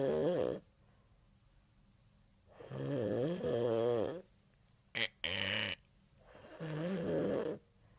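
Long, loud, wavering snores roughly every two to three seconds, with a brief snort between them; loud snoring in a quiet room.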